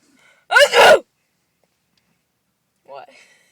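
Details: One loud, sharp, explosive sneeze, then a softer sound a couple of seconds later, during a sneezing attack.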